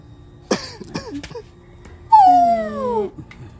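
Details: Blind Dachshund dog with a cough and cold gives a harsh, abrupt cough with a few short follow-up bursts, then a long falling whine.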